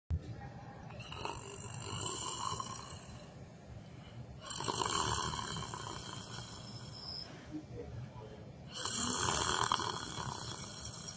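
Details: Person sitting in a chair during yoga meditation, asleep: three harsh, raspy snores about four seconds apart with hissy room noise between; ordinary snoring.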